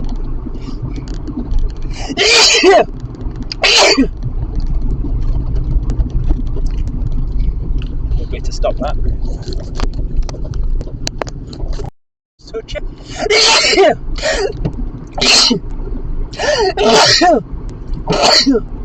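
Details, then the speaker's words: Adult driving on the motorway after a dog-filled house visit without antihistamines; about seven sharp sneezes, several in quick runs, over road and engine rumble. Repeated allergic sneezing from dog allergy. "this is quite dangerous I can't help sneezing the cars are slowing down in front of me"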